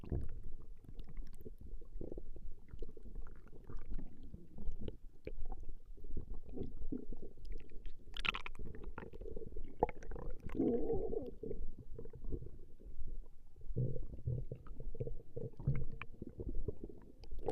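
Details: Woman's stomach growling recorded over a long session: continuous low rumbling and gurgling from the abdomen; ordinary bowel sounds (borborygmi) of normal digestion.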